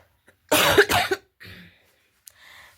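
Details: Adult with flu-like illness since Wednesday, in bed and finding coughing painful: a loud double cough, then a softer breath out and a short throat sound; lingering-flu cough.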